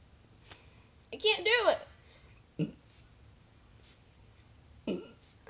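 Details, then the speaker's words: Deliberate burping during a burping challenge aiming for 10 burps in 60 seconds: a long, drawn-out, voiced burp followed by two shorter throaty bursts in a quiet room. "this is called the burping challenge you have to score at least 10 burps in like i don't know how long but i'm gonna go for um 60 seconds"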